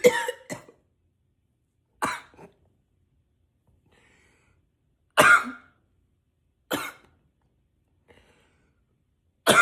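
Repeated harsh single and double coughs, about six in ten seconds, with short pauses between them: a persistent cough.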